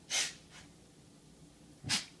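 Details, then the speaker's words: Two short, sharp hissing sneezes a second apart, with a faint sniff between, from a dog sneezing on command while sitting; sneezing. "and that's albert the amazing sniffing dog"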